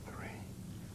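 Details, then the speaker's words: Whispered pectoriloquy heard with the stethoscope diaphragm over the posterior thorax as the patient whispers "1 2 3": the whisper is louder and clearer than normal, suggesting air-filled lung has become airless. "finally ask the patient to whisper 1 2 3 when these sounds are louder and clearer than normal whispered pectoriloquy is"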